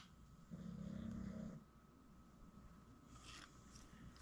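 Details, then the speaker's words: Single low rumbling snore from a sleeping pet dog in the background, then quieter room noise; ordinary sleep snoring. "Sorry y'all. I'm sure y'all can hear Snorbox in the background. That would be my dog for the new folks"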